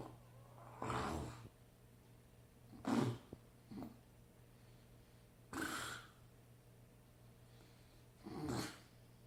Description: Man is able to snore and yawn at the same time, without ever waking up!